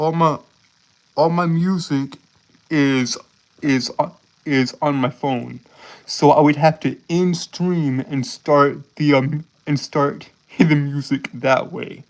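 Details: Male streamer who says he has a speech impediment causing him to stutter, trip over and repeat his words; this stretch has repeated words and phrases; stuttering.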